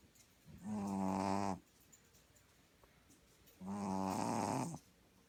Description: This is my puppy that fell asleep and started snoring